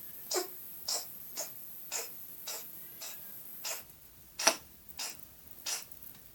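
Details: Sick cat coughing: about eleven short, breathy, hissing bursts repeating steadily, roughly two per second; a repeated dry cat cough.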